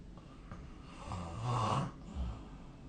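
A single rough, rattling snore on an indrawn breath, followed by a softer exhale; typical snoring.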